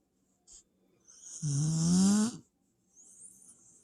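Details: Dog (puppy) snoring: a single loud, buzzing snore on the in-breath, rising slightly in pitch, with a soft breath after.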